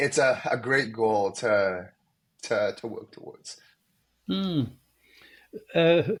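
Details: Young man, a medical student, who has stuttered most of his life, with blocks, especially on his name, and sound repetitions; stuttering.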